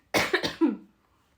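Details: Cough.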